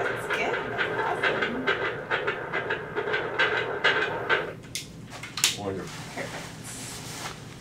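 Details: Fast, regular whooshing Doppler beats near 136 a minute at 37 weeks 4 days of pregnancy; a normal fetal heartbeat that sounds great.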